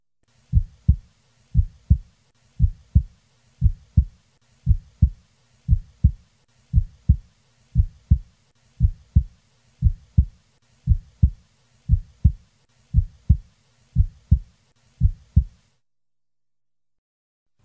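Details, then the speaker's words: Steady heartbeat near 60 a minute with a faintly doubled first sound: normal split S1, mitral and tricuspid components 20–30 ms apart, heard best at the left lower sternal border with the diaphragm pressed firmly. "in a normally split first sound the mitol and tricuspid components are 20 to 30 milliseconds apart a split of the first sound is heard in in about 70% of normal subjects and is heard best at the llsb with the diaphragm firmly pressed"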